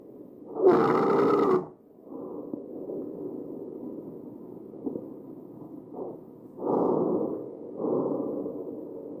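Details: A real patient's tracheal stridor over the windpipe: harsh noisy breathing, a loud rasping breath with a faint musical tone, then rougher breaths.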